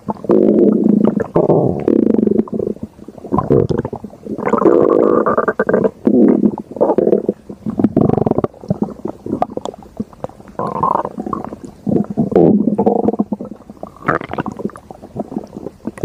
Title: stomach growling (LOTL) ❤️❤️